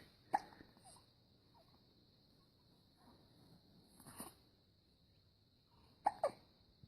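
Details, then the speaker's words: An 18-day-old baby boy who had been smiling and "talking" earlier gets a case of the hiccups: brief, sharp hiccups, some in quick pairs, against quiet room noise with faint baby sounds. He has gone from 8 lb 11 oz to 10 lb 5 oz. "is 18 days old today yay got a little case of the hiccups he was smiling and talking earlier"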